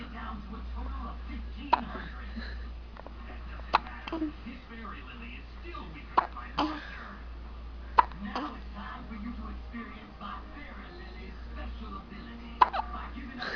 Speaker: You got hiccups. Oh no.